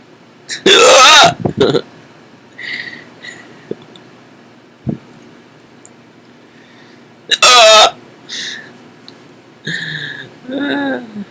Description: Although falling asleep, I wanted to capture some kind of hiccup new at least to me, one that I clearly found very entertaining especially at the time.